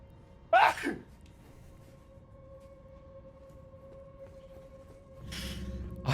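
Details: During an Elden Ring gaming stream: a single sharp, explosive burst followed by quiet room noise, then a breathy sound; a sneeze.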